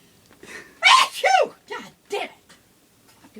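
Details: Grandmother in an uncontrollable sneezing fit: a loud sneeze, a second burst and two smaller sneezy exhalations in quick succession, with swearing between. Repeated sneezing.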